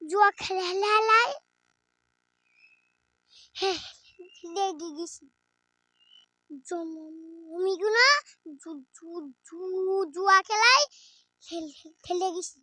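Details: Acted stuttering in a Bengali comedy skit, with repeated phrases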